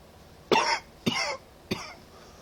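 Three short, sharp coughs in quick succession from an adult with a cold, in a quiet room.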